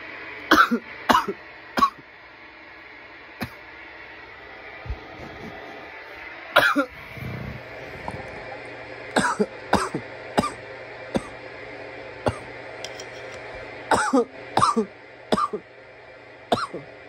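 Repeated harsh coughs in short fits with throat clearing and hum in the background; irritant coughing after smoking.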